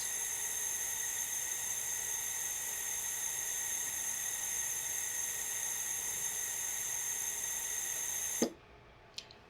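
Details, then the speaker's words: An MVM ventilator running its oxygen calibration during start-up, with the patient disconnected, the circuit left open and the blender set to 21: a steady high-pitched hiss and whine that cuts off abruptly, then a brief click. "the blender must be turned to 21 and start calibration begins this bar indicates the length of or the amount that the test has taken place and when 100 of that test has been completed will either indicate as a success or failure for this test"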